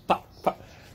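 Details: Two abrupt, brief voiced yelps in quick succession, without words, simple vocal tics from an adult man with Tourette syndrome.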